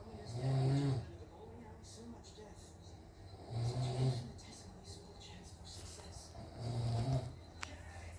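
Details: Father asleep, snoring, filmed by family because he doesn't believe he snores: three deep, buzzing snores on the in-breath at about 19 per minute, separated by quieter breathing.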